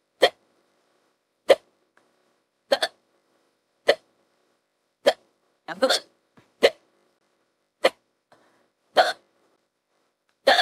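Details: About nine sharp, brief voiced hiccup catches at regular intervals, roughly one every 1.2 seconds; AI-generated female voice imitating hiccups, partly spliced from other hiccup recordings; simulated hiccups.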